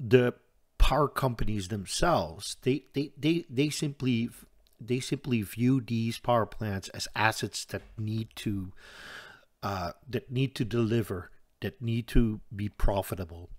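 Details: Stuttering in an adult man who says he stutters audibly all the time, with a stutter in which he hangs up between his words.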